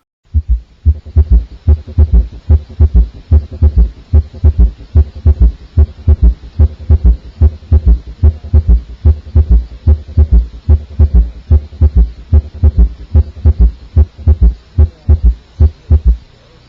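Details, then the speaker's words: Seven-year-old girl seen for mild dysuria: regular heartbeat near 73 a minute with a faint dull extra sound after S2, a physiologic third heart sound (S3), not a murmur. "hmm that's not a murmur it's an extra heart sound it's an s3 heard just before s2"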